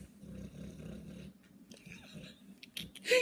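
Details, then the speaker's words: Pet dog snoring while asleep: a low, rumbling snore, followed by faint room noises and a sharp sound. "Oh yeah, I hear that. Loki snore."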